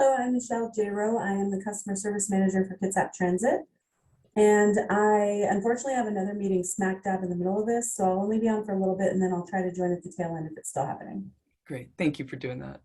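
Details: Adult woman speaking; Normal speech.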